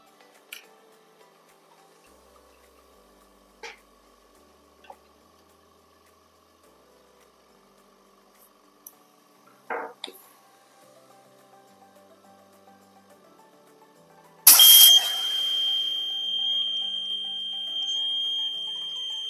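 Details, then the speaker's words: Invacare Perfect oxygen concentrator low-pressure alarm test, running at 5 L per minute: tubing to the pressure transducer is disconnected to create a leak, pressure drops below the 7 psi preset, and a few clicks are followed by a continuous high-pitched alarm. "you can hear, the moment I disconnected this tubing, a continuous audible alarm activated. This is because the system is detecting a pressure which is lower than the preset value of 7 psi."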